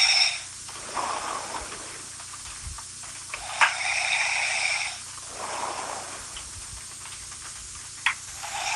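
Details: Snoring in a sleeping woman: noisy, hissing breaths in and out with rough fluttering on the inward breath, about every four seconds.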